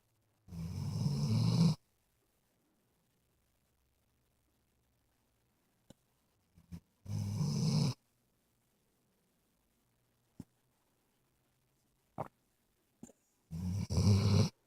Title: My Snoring Canine ~